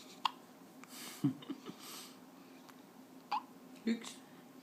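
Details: Short, abrupt catching sounds, about four at irregular intervals in a quiet room; a person with hiccups.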